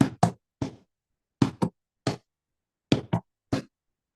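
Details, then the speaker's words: Teaching example of an S3 gallop in a 55-year-old with heart failure with fluid overload: dull heart sounds in triplets, an extra low sound after S2 giving a galloping rhythm. "I told you we've got too much fluid left over in the heart that's failed us. So, we're getting that S3 at that gallop."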